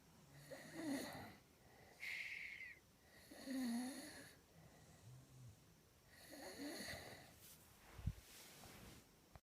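Repeated snores with a whistling, wheezy edge and snorting breaths, roughly every two to three seconds; snoring.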